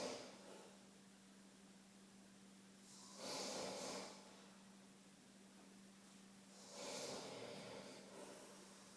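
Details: Soft snoring: two slow, noisy breaths about 3.5 seconds apart, roughly 17 breaths a minute, over a steady room hum.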